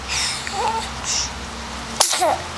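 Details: A 2-month-old infant's single sharp sneeze, followed by small whimpering sounds.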